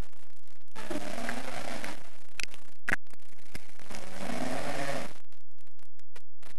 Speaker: bueno pues nos encontramos aquí reunidos en la casa de chicoasén para presenciar un fenómeno musical que sólo se produce una vez cada 200 años esto es la sinfónica del ronquido